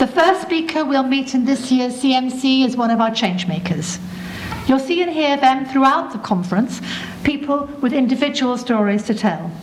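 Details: Adult woman; ordinary speech.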